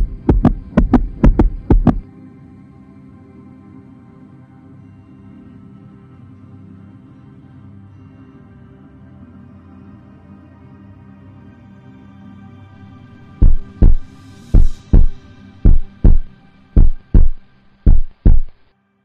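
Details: Human heartbeat: regular paired lub-dub heart sounds at about 60 beats a minute, with a long humming pause between.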